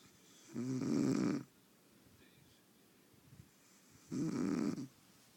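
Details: Two long, rumbling snores on the in-breath, separated by quiet pauses, from a person in deep sleep; steady rhythmic snoring.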